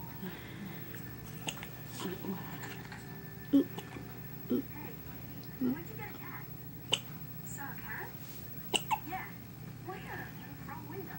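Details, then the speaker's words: One-day-old baby boy with a prolonged bout of hiccups, possibly after overfeeding (parents suspect): several soft, brief hiccups over room noise and quiet adult voices; infant hiccups. "Hello. You have the hiccups, huh? Oh. For so long."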